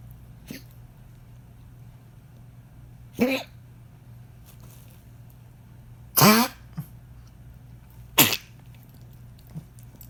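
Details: Hacking cough from a pet: three harsh, dry hacking bursts at irregular intervals, with faint smaller sounds between them.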